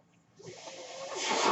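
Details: The speaker's own mechanical ventilator, audible during podcast speech: a soft airy hiss steadily building in loudness as air rushes in with each delivered breath; mechanical ventilator breath cycle.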